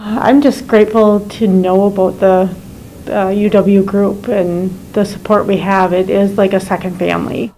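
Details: Adult woman; typical speech.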